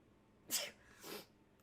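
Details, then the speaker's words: Short sneeze, a sharp burst then a softer second puff, during repeated sneezing that the person suspects is a cold or an allergy of unknown cause; ordinary sneeze. "I feel like taking allergy medicine or something. Oh my god, I'm going to sneeze."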